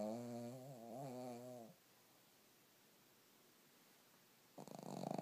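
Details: Sleeping dog snoring: long, wavering, tonal snore, a quiet pause, then a fluttering rattle on the next breath.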